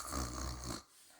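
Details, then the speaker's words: French bulldog snoring: a single loud, rumbling snore under a second, fading into quiet room noise; the dog is resting close beside its owner. "c'est qui d elle ronfle parce qu'un bouldog français ça ronfle et ça fait beaucoup de bruit."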